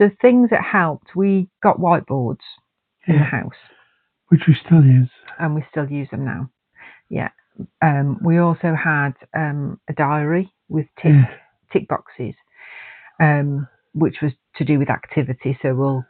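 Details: Adult speaker in a small room, with a brief second voice; ordinary conversational speech.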